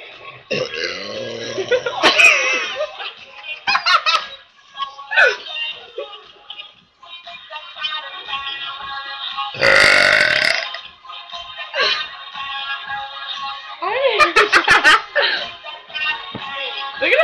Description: we had a burping contest and one of us ends up throwing up!